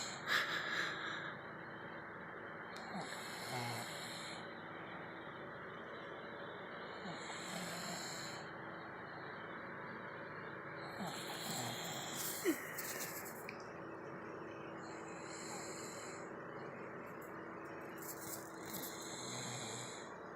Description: Girlfriend caught me snoring. Revenge time.